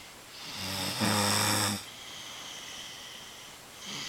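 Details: Father and daughter snoring: one loud, buzzing snore on an in-breath, then quieter breathing and the start of another snore.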